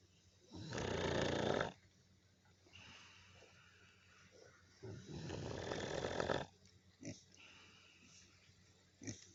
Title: yes hogs do snore.